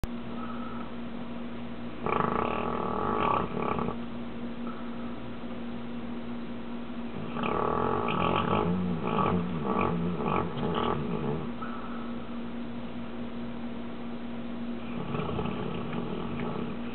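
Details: Female golden retriever dog napping: rough, rumbling breaths in irregular bursts over a steady background hum; dog snoring.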